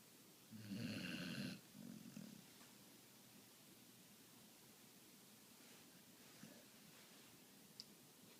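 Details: A single rough, buzzing snore on an in-breath, then a softer one, then quiet breathing; ordinary snoring.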